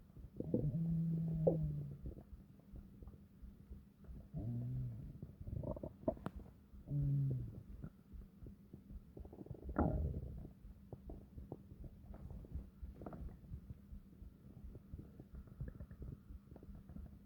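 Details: Several long, deep, gurgling stomach growls with quieter bubbling between them over a faint steady hum; normal bowel sounds (borborygmi).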